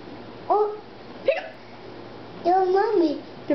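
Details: Young child pretending to have hiccups (simulated) at the dinner table: small voiced hiccup sounds with a short sharp one in between, over faint room noise.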